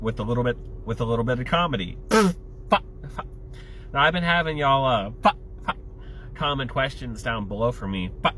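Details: Adult male with Tourette syndrome whose tics include flicking off and yelling the F-bomb; Tourette syndrome (vocal tics).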